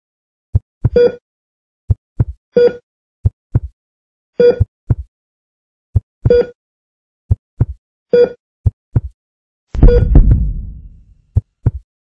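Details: Simulated hospital cardiac monitor sound effect: regular tonal beeps over soft paired heartbeat thumps, ending in a brief noisy burst.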